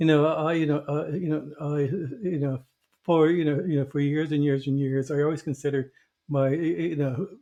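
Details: Adult who stutters, a covert stutterer for many years; stuttering.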